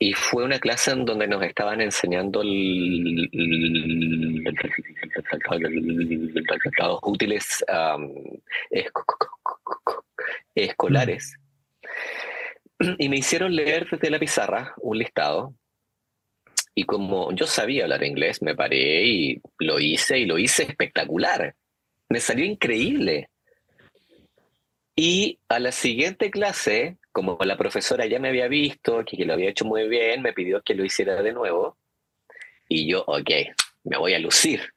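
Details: Adult man who stutters, speaking Spanish; stuttering.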